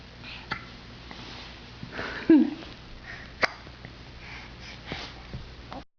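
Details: Hiccups while sitting on a couch, then falling over into a front position: several sudden, sharp throat clicks at irregular intervals, with faint room noise.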